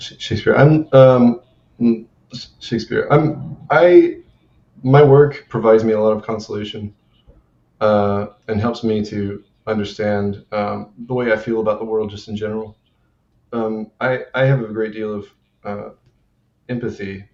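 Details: Adult male with Tourette syndrome, also reporting grunting, name-calling and self-injurious motor tics; repeated interjected word intruding into speech. Vocal tics (Tourette syndrome).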